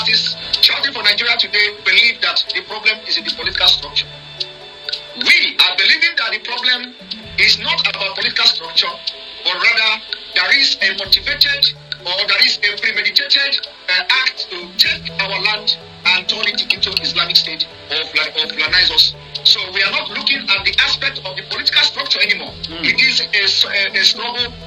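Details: Adult male speaker; normal speech.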